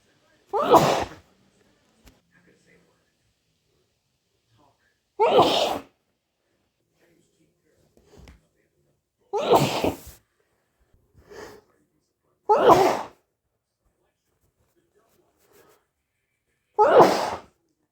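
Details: Five loud, explosive, itchy sneezes spaced a few seconds apart, with soft breaths between. This is repeated sneezing.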